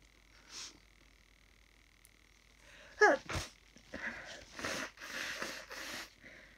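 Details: Person waking up sniffly, possibly at the start of a cold: a sniffle, then a sharp sneeze and a run of snuffly nasal bursts.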